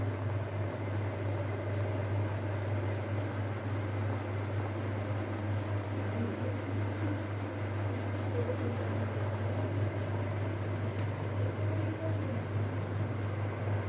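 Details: Home steam inhaler (vaporizer) running after water is added and it is switched on, for steam inhalation for cold and cough: a steady low hum with a soft hiss as steam starts flowing.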